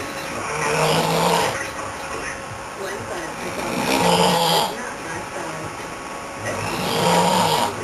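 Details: Man performing snoring in a staged comedy sketch: rough, rattling snores about every three seconds, roughly 20 a minute, over steady room noise.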